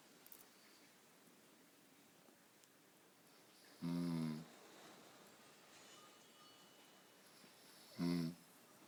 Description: My husband beginning with his light snores....